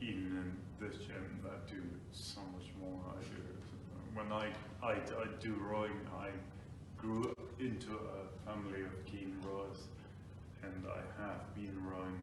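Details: Ataxic dysarthria in an adult man with Friedreich's ataxia, diagnosed about five years earlier; he reports slurred speech at times, difficulty pronouncing words, and pushing with chest and lung volume to speak.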